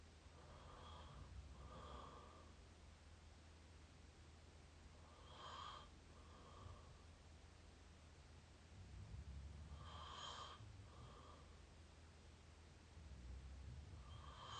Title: up close mouth snoring pt 5